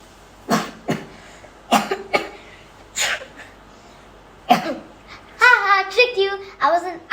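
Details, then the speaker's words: A child gives several short, deliberate pretend coughs, then a brief vocal sound, imitating a cold; the child does not actually have a cold, so this is a simulated voluntary cough. "didn't actually have a cold. I was just pretending."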